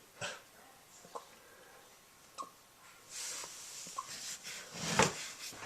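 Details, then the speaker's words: A puppy's hiccups: small, sharp catches recurring roughly every second, with soft breathing and snuffling between. "what are you doing? Got the hiccups?"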